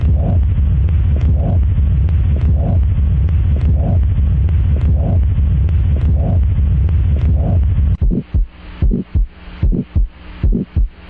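Music, then a few seconds of regular paired heart thumps at roughly 70 beats per minute.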